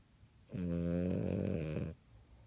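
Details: A single long, buzzing, tonal snore of about 1.5 seconds in a quiet room from a sleeping French Bulldog, who later wakes startled; snoring in a flat-faced dog.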